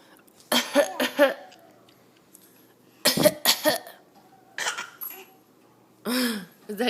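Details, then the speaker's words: A young child makes short, breathy voluntary (fake) coughs in quick pairs on a parent's request, partly laugh-like, then gives a voiced squeal. "it comes out more as a laugh than a cough though"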